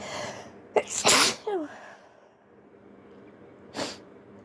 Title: An attempt at stifling my sneezes 😅